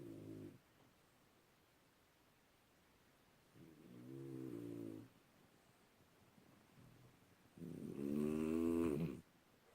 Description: This dog needs a cpap machine or something...